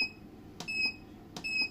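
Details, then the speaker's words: Repeated short, high-pitched electronic beeps with faint clicks as the start button is pressed on a long wave therapy machine for body pain relief, during a demonstration without gel. "तो यहां से कुछ भी नहीं करना है हमें start का बटन दबाना है स्टार्ट हो गया डिस्प्ले पर भी"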